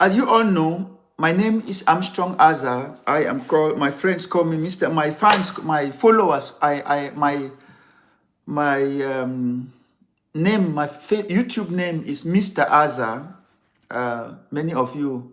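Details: Adult man who has stammered severely since childhood, over more than sixty years, and still has difficulty pulling out words; later diagnosed with ADD; unedited live recording; stuttering (stammering).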